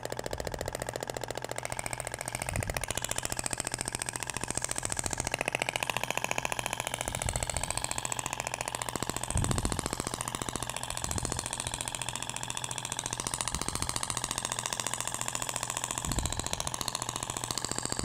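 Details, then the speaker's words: Abdominal shockwave therapy in a practical training demo: the device fires rapid, steady mechanical tapping pulses, about fifteen a second, over a humming motor. The applicator tip is passed in the second direction, avoiding the umbilical scar. "agora vai pro outro sentido até o barulho é diferente da pompea de poliacetal pra"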